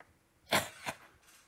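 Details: Person deliberately trying to force out a sneeze: two short explosive bursts of air, a strong one then a weaker one.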